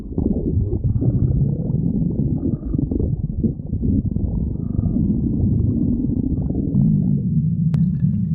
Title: GF stomach growling (In BF suit)